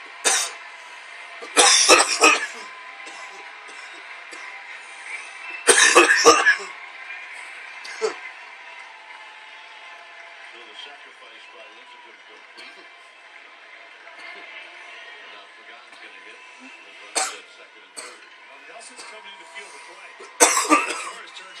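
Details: Adult man's coughing fit: repeated harsh, explosive cough bursts, with televised baseball commentary in the background.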